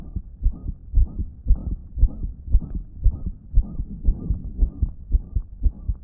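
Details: Phone recording of a person with a damaged heart, on a day it wasn't pumping effectively: a fast, regular heartbeat near 115 a minute with a loud blowing whoosh filling the gaps between beats, a loud heart murmur.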